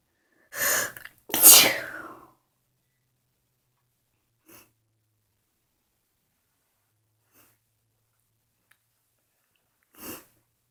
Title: Few morning sneezes